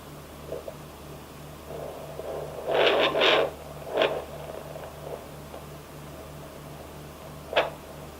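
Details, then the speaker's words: Home Doppler at 22–23 weeks of a twin pregnancy: soft, fast, regular whooshing fetal heartbeat near 165–170 per minute, with scraping bursts from probe movement. "So what I'm going to do this week is I'm going to add a little listening to the babies with the Doppler in. So let's do that. Alright, so we're just going to we're going to search for the heartbeat and listen to some of the sounds."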